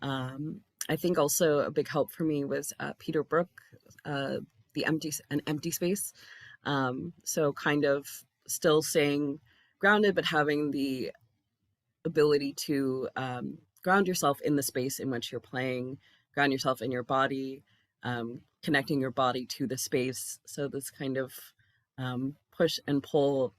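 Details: Adult speaker; normal voice.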